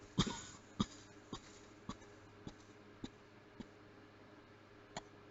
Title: Closed mouth coughing